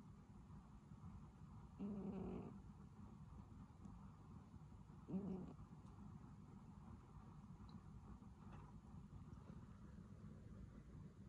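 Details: A sleeping cat gives soft, low, rattling snores, two breaths over a steady background hum; the cat does not always snore, and its snoring that day was described as especially strong: snoring.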